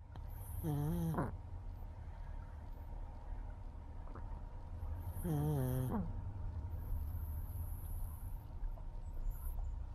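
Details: Small partially deaf pug sleeping on owner's bed on her first night, giving short rattling voiced snore-snorts with a faint high whistle, several seconds apart: noisy snoring.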